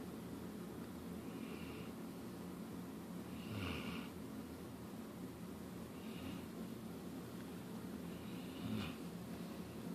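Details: Snoring during sleep.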